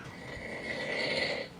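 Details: Adult man snoring overnight, recorded by roommate; he normally uses CPAP but did not bring it: snoring during sleep.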